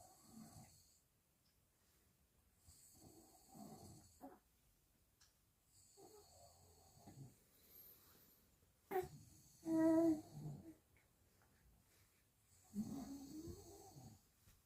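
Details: Father's snoring keeping a newborn baby awake: repeated rough, rattling adult snores about every three seconds, with a brief infant squeak.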